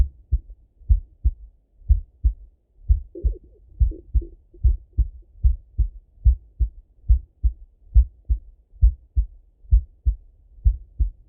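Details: Male heart auscultated with a stethoscope, recorded partly sitting at a desk and partly lying in bed: steady lub-dub about 70 a minute, two crisp sounds per beat; normal heart sounds.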